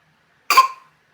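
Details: A young girl gives a single short, sharp cough burst that fades quickly in a quiet room, and is then asked if she is okay.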